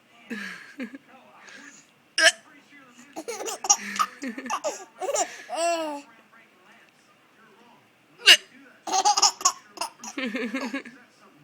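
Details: Baby laughing and babbling at mother during dinner, with sharp sudden hiccup sounds breaking in from the mother, who has the hiccups.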